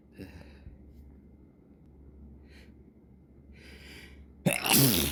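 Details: Morning sneeze fit before breakfast: a quiet breathy lead-in, then a sudden, loud, explosive sneeze.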